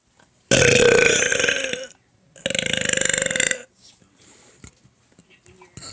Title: More burping